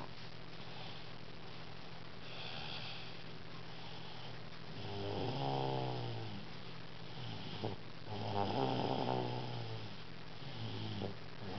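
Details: 2-year-old girl snoring during sleep: regular vibrating snores with each breath, some soft whistling, steady room hum behind.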